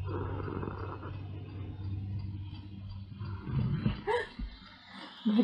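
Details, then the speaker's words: The owner's sleeping dog snores with low, rough, uneven rumbling breaths, fairly quiet, with a few louder snorts near the end. "My dog snoring. Oh gosh. All these sound effects."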